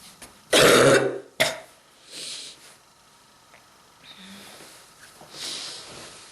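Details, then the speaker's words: Person with strong bronchitis causing throat and chest pain; two strong, harsh coughs followed by quieter breaths and throat sounds in a small room: cough from acute bronchitis. "Pain on my throat and on my chest because of this strong bronchitis."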